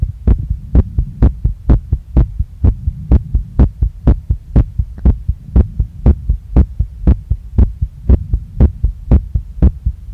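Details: Adult female's heart recorded right after a workout, still racing and not calming down, felt pounding in chest, neck, face and stomach, chest visibly moving; fast, strong, regular thumping at about 120 per minute: sinus tachycardia.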